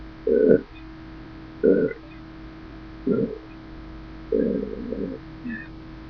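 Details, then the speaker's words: Repeated belching, four low gurgling burps over six seconds, the last drawn out; patient reports it's hard to breathe, cause unknown after gastroenterology visit; prescribed Aciphex; Valium caused sleep but didn't stop burping. "burping. It's hard to breathe. The doctors don't know what's wrong."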